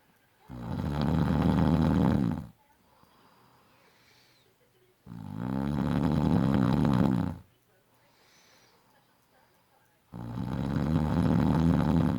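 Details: Adult man who snores in every sleep position, day and night: very loud, deep, rattling snores of about two seconds, roughly every five seconds, with quiet breaths out between; heavy snoring.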